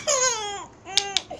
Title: Crying baby